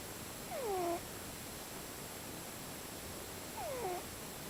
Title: funny cat snoring in different tones